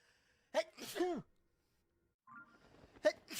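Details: Streamer sneezing during a live stream: a sharp voiced sneeze with a gasping lead-in, then after a pause a breathy build-up and the start of another sneeze; sneezing.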